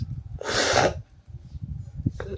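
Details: Sneeze induced with paper in a sneezing challenge: a single loud, explosive sneeze burst, followed by quiet breathing and a short sniff.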